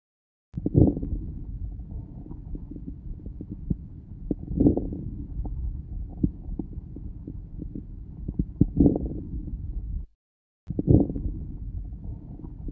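Lung sounds with about 15 breaths a minute; a few brief crackles cluster at the start of each inspiration: early inspiratory crackles.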